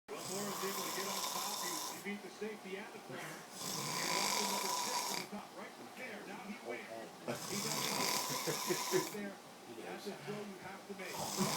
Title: The one and only snoring MACHINE